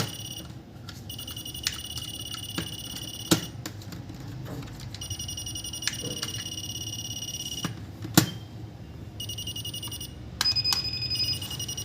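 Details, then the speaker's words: Wireless RF hospital nurse call system demonstration: pressing the patient remote controller triggers repeated high electronic ringing bursts with clicks at the nurse station receiver panel; a tuner knob adjusts buzzer loudness. "this is the wireless remote controller as you can see pressing it sends wireless rf alert signals to the corresponding receiver panel"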